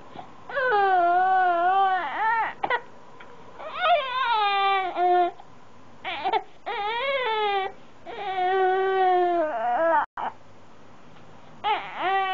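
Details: A 5-month-old infant cries in repeated wailing bouts with brief catches and breaks between them, in a quiet room; infant crying, possibly with hiccups.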